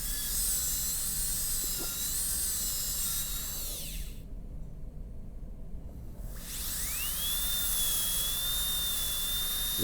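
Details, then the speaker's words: High-speed dental handpiece with a 330 bur cutting a class II MO amalgam preparation on a typodont tooth; the whine stops briefly, then spins back up, and the bur is wobbling under slightly too much torque. "the burr is putting a little bit too much torque on here. It's wobbling, but the axle is probably going to be okay."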